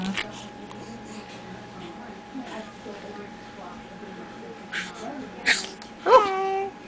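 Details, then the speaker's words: 4.5-month-old premature baby girl, twin born at 29 weeks gestation, seen at the emergency room because she is unwell: a small cute sneeze followed by a little after-sneeze sound. "oh and that was a cute sneeze I love that little sound"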